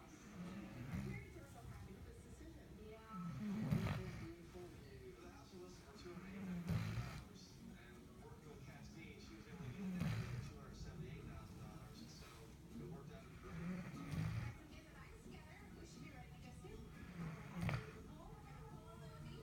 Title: Adorable Labrador Retriever Puppy Snoring !!